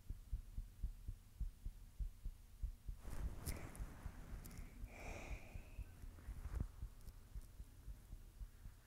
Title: My Heartbeat ☺️💓